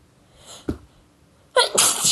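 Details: Sneeze induced with a pencil point: faint inward breath and brief catch, then a sudden loud hissing sneeze burst that trails off.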